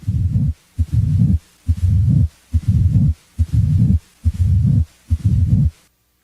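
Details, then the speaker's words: Late diastolic (presystolic) murmur of mitral stenosis: low rumbling heart sounds at about 70 a minute, with a murmur starting late in diastole and building up to S1. "a late diastolic murmur as heard with mitral stenosis starts late in diastole and typically continues up to s1"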